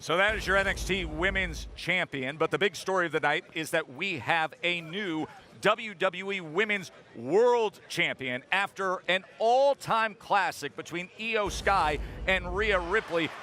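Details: Adult speaker; Normal voice.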